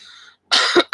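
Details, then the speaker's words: Single harsh, raspy cough from an adult still recovering from an illness, with a raspy throat and lungs still feeling clogged with mucus. "with the raspy throat, raspy cough thing. My lungs are still kind of clogged up a little bit, I think."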